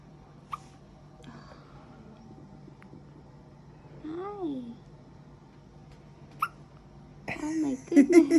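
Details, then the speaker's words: Baby girl's first hiccups: two sharp, isolated hiccup clicks among soft infant cooing and fussing while held by her father, with room hum. "got the hiccups. got the hiccups."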